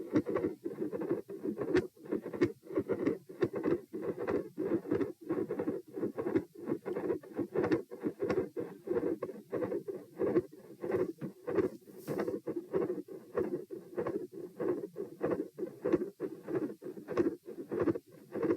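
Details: Stress-test auscultation at position P, heart rate 90-126-72 bpm across sitting, standing and lying: rapid heart sounds near 94 a minute with an intermittent continuous machinery-like rumbling murmur and loud S2.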